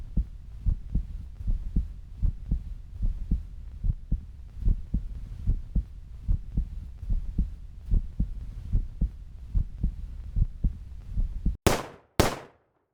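Steady low heartbeat thumps at about 74 a minute, ending in two sharp loud bursts and silence.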